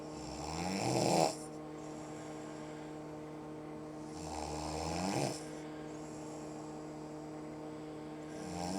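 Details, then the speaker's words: Two loud, rasping snores about four seconds apart, roughly 15 breaths a minute, over room hum; a mother-in-law snoring loudly in her sleep at 5:05 on vacation. "My boys are sleeping, but I can't sleep because of this racket."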